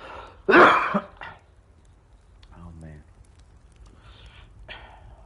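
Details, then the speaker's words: Adult live-streamer coughs while playing The Last of Us Part II on PS5: one loud, harsh cough burst, then a smaller second burst, with game sounds in the background. "Maaf ya teman-teman kalau saya batuk-batuk ya selama live streaming"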